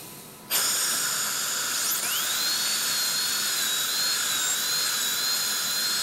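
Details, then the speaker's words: High-pitched dental handpiece starts and runs with a shifting whine, finishing and polishing temporary restorations at the gingival margins, clearing excess bis-acryl composite near the papilla, in restorative treatment of malpositioned dentition. "what's up and we're just going to go around finish our gingival margins polish and then we'll be done Jay"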